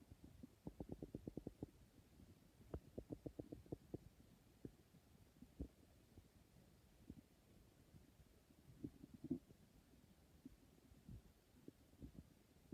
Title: My stomach is really hungry #hunger #stomach #growling #hungry #emptystomach